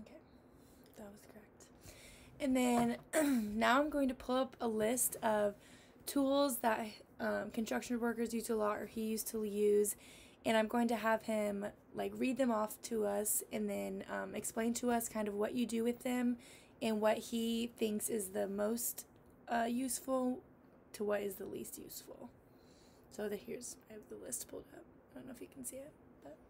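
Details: Adult woman (clinician); Normal fluent speech.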